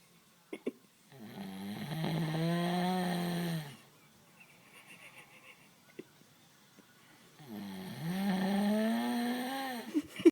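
Two long, deep, rumbling snores a few seconds apart, with quiet between them. Snoring from a resting cow.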